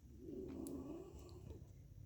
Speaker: but what was I say his snoring is distracting me